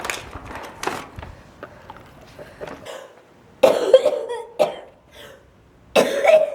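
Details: Several hard coughing bursts from a female with cystic fibrosis, some in quick runs, outdoors in cold air said to trigger it, with quiet gaps between; harsh cystic fibrosis cough.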